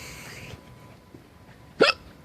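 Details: Single sharp abrupt voiced gulp with faint hiss at start against quiet room noise; person with ongoing hiccups, hiccups (singultus).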